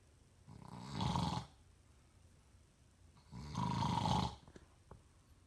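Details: Snoring in a sleeping father: two loud, rough, rattling snores on slow breaths, each about a second long, three seconds apart, with quiet gaps between.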